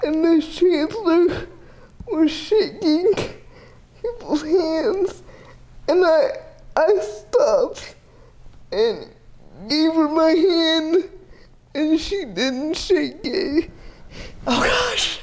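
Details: 30-year-old woman with GMFCS Level 4 (severe) cerebral palsy, quadriplegia with an athetoid component, using a power wheelchair; speech may be difficult to understand; dysarthria.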